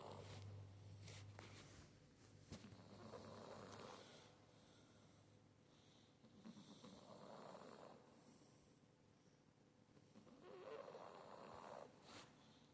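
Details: Sleeping cat snoring, waking at the end: soft, rhythmic snoring on each breath, roughly every four seconds, about 15 breaths a minute.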